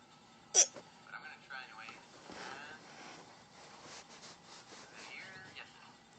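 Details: Someone with hiccups: one sharp, sudden gulping catch in the throat, followed by soft voiced murmuring and breathy sounds, recorded on an Android phone.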